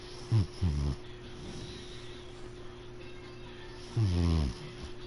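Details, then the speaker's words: Low, rumbling snoring from a sleeping cat, recorded with the mic moved next to him: two short bursts then a longer one over a steady background hum; snoring. "my cat is snoring I don't know if we can hear it let me get the mic next to him"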